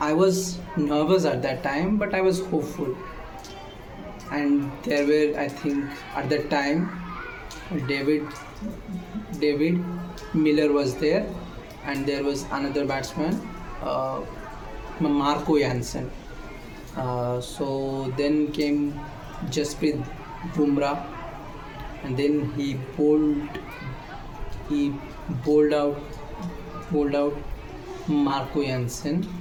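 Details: Male speaker who says he stammers; stuttering.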